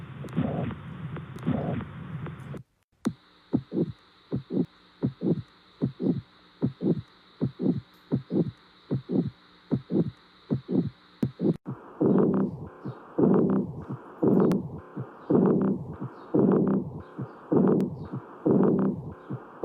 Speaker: Learn hard sounds with me. This one was tricky.